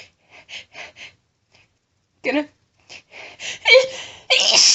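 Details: Woman announcing her very powerful sneezes: quick catching breaths build up to a strong sneeze, followed by a second sneeze.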